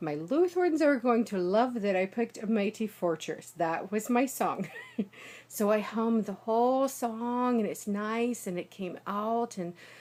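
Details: Adult woman, native American English speaker, with foreign accent syndrome after a small ischemic stroke, recorded 6 days post-stroke; accent initially heavy Russian, now lighter Eastern European, shifting to Irish with high emotion; some difficulty with consonant clusters.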